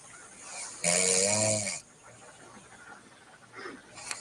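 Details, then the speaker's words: Woman snoring in sleep: one loud, rasping snore with a tonal, whistling edge about a second long, then quiet breathing; snoring. "oh no she's lightweight but she's snoring but let's listen to this one okay"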